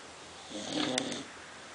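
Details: Female American Bulldog asleep, giving a single short, raspy snore; ordinary snoring.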